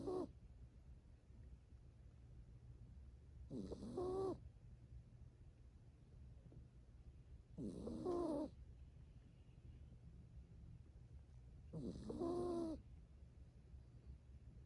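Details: Snoring in a 7-year-old toy poodle asleep on a lap: regular snores about every four seconds, roughly 15 a minute, with faint birdsong outside.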